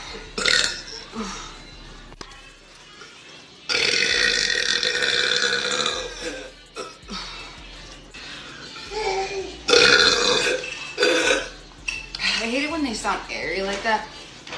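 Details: A woman burping after drinking a carbonated soda: several loud, long, rasping belches with brief pauses between them, faint background music; voluntary burping.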